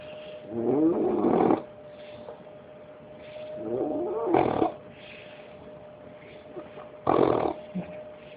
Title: Bullet the Bulldog snoring at 5 months old.